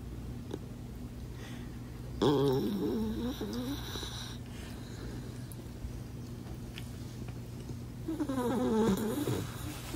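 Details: Loud, fluttering, rattling snores about six seconds apart over steady room hum from a sleeping, possibly dreaming dachshund with missing teeth and weight issues; snoring.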